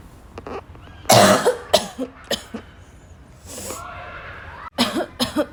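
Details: Afternoon coughing fit, apparently a girl's (tagged barking cough), starting weak and growing violent: a run of about seven harsh coughs mixed with throat clearing and a snort over faint room noise.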